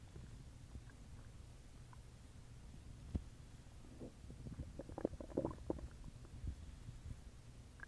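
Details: Loud rumbling stomach growling, borborygmi, after an evening dinner.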